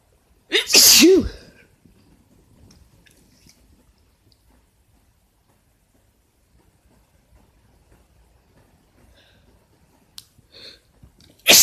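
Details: Male (boyfriend) sneezing, cause questioned as allergies or cold; one loud, forceful voiced sneeze, then quiet breathing and a second sneeze starting at the end.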